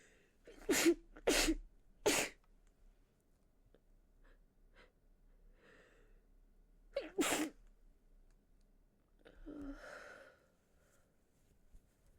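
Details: Woman with a cold: four sharp sneezes, three in quick succession then one after a pause, then a sniff or nose-blow into a handkerchief; sneezing.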